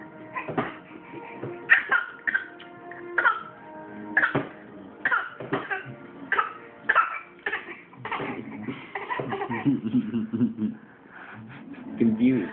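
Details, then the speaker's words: An infant makes a voluntary pretend cough: repeated short, deliberate cough bursts over background music. "is that your fake C show us again show us again"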